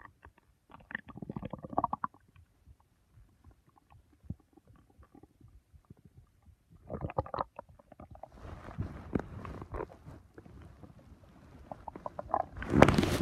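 Irregular gurgling and rumbling bursts with quiet gaps, louder toward the end: ordinary bowel sounds from gas and fluid moving through the gut.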